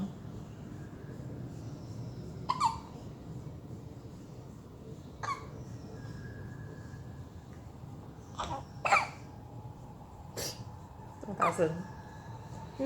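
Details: Hiccups in a 6-day-old baby: about six short, sharp hiccups over thirteen seconds, each an abrupt catch of breath; caregiver says the baby swallowed air while feeding and the face went red.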